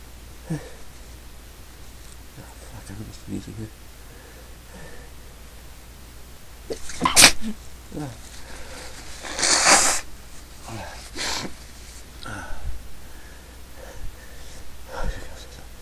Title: Sneezing 10